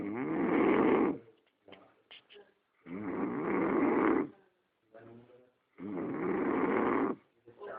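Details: Person snoring in sleep: loud, rattling snores on each breath in, about 20 a minute, with quiet breaths out between; regular snoring.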